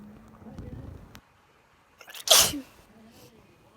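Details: Person sneezing, after three messy, snotty sneezes before recording: a brief inhaled lead-in followed by one sharp, explosive, hissing burst.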